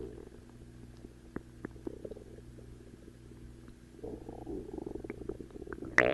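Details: Low, soft gurgling and rumbling with scattered small pops and a louder burst near the end; stomach growling, normal gut sounds (borborygmi).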